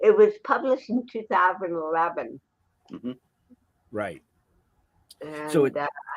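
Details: Adult woman, actress and comedian, born with cerebral palsy in 1956: dysarthria (cerebral palsy).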